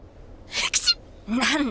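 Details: Someone about to sneeze: a short two-part sneeze, a quick intake then a sharp hissing burst, followed by a brief voiced sound.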